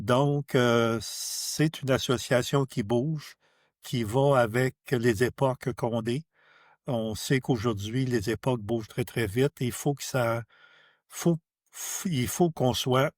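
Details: Adult who stutters, speaking French; stuttering.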